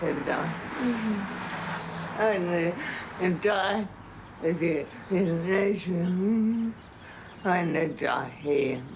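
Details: Adult woman in late-stage Huntington's disease, a degenerative brain disorder, able to walk unaided until six months ago; speech largely unintelligible, captioned as indistinct; dysarthria (Huntington's disease).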